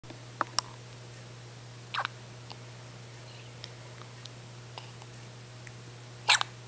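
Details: Brief sharp clicks recur against a steady low hum, recorded at 5:25 am; hiccups.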